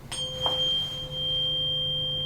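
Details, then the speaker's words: A struck tuning fork rings with a pure, steady, lingering high tone during a Weber hearing test in a routine ear exam (ASMR role-play); patient first reports one side, then both sides. "Okay, next we're going to do the Weber test. Let me know if you hear it on one side first or both sides at the same time."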